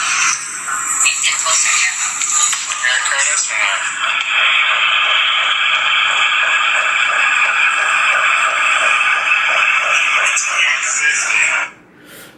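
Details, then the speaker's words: Fetal heartbeat at 12–13 weeks of pregnancy after a previous stillbirth, played from a phone recording: rapid, rhythmic whooshing Doppler pulses at about 150 beats per minute, normal. "So the heartbeat was at 150."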